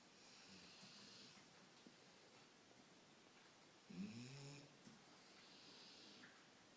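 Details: A dog sleeping on pillows breathes quietly, with one short, rattly snore partway through; snoring.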